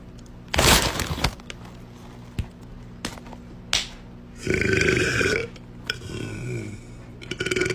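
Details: A woman's several loud, deep belches one after another, with clicks and breaths in a small room, from a compilation of deep burps; repeated burping.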